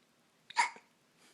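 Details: A single sharp hiccup from a child: a sudden catch of breath with a brief voiced squeak, then quiet.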